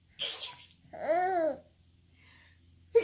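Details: Mother's single sneeze, a short noisy breathy burst, followed by the high rising-and-falling laugh of her smiling 7-month-old baby; sneeze.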